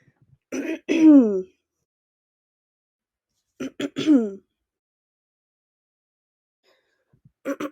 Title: Girl Clearing Throat